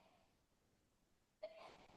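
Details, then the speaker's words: After a quiet stretch, one sudden sharp burst with a brief voiced 'choo' comes from another room and echoes faintly through the house: a single sneeze. "don't know if you guys can hear the sneezing. Shauna is sneezing in the background. It just echoes"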